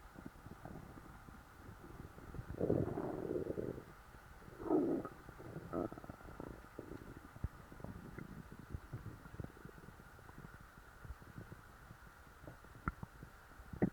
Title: stuffed stomach growls